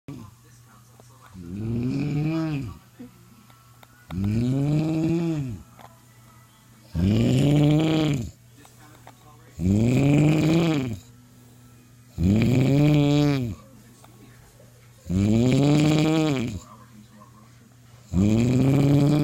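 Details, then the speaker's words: Adult man (father) snoring loudly in sleep, audible from another room, labelled sleep apnea: loud, regular, rumbling snores on each inhalation, about 22 a minute, likened to a shaver or a pig. "My dad's snoring like a shaver or a pig. He's so loud. I can hear him from the living room."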